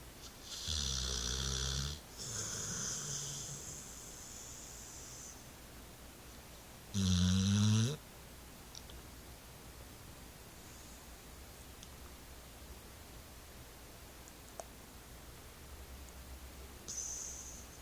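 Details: Dog snoring: three loud rumbling snores with a whistling edge, likened to a grown man's, then quiet breathing in a still room.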